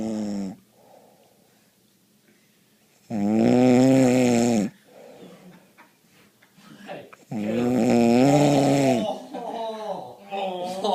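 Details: Man snoring again, with long, loud, buzzing, strongly voiced snores of a tonal, groaning quality separated by softer breaths; heavy snoring.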